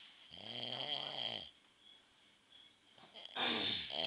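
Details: Dad snoring in his sleep: harsh, rattling snore on an in-breath, then a quiet pause and another snore starting, in a small quiet room.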